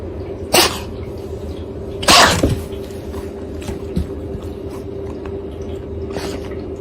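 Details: Three sharp, explosive sneezes from a caracal, the middle one loudest with a quick second snort, over low room hum and faint clicks.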